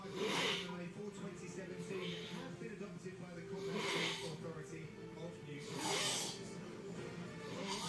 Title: Snores Like A Sump Pump